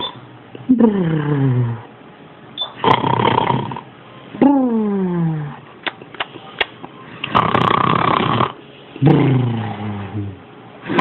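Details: Loud, harsh snoring from the speaker's son, with rattling inhaled noise and groaning tones on the breaths out, in irregular cycles.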